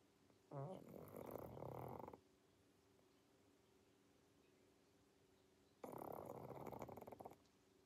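Two long, rattling, snorty breaths separated by quiet pauses, from a sleeping short-nosed dog: snoring.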